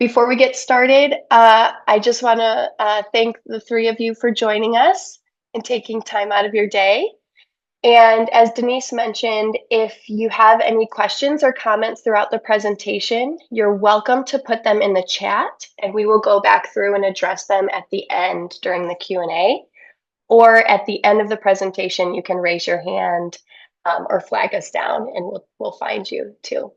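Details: Adult woman speaking; normal speech.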